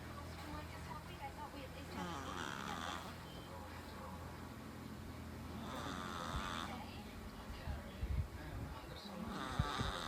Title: Snoring cats🐈‍⬛🐈 #cat #animals #catlover #catvideos #cats #dogs #dogshorts #catshorts #meriLewaTV